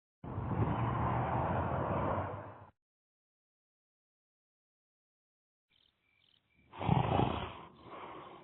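Long rumbling rasp on one breath, a pause, then a short whistling exhale and another rasp: cartoon-style snoring effect.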